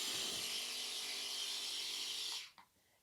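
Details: NasoNeb sinus nasal nebulizer, medicine cup in the nostril while the patient is bent over: steady high-pitched hissing hum of the compressor running, then switching off, producing fine medication mist; nebulizer compressor running.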